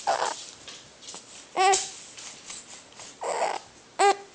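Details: Infant boy trying to cry: short, broken cries cut off by sudden catches, crying interrupted by hiccups.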